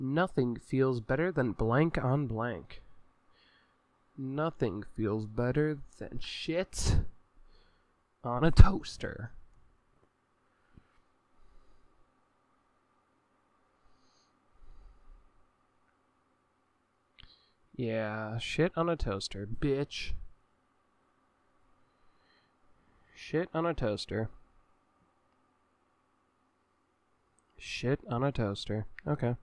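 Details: Adult male with Tourette syndrome; card reading interrupted by repeated swear-word tics; vocal tics with coprolalia.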